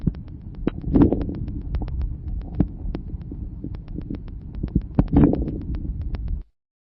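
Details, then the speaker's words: Few brief popping crackles over low breath sounds, localized to the start of inspiration: early inspiratory crackles, characteristic of severe bronchial obstruction. "Ils sont peu nombreux et localisés au début de l'inspiration. Ils sont caractéristiques d'une obstruction bronchique sévère."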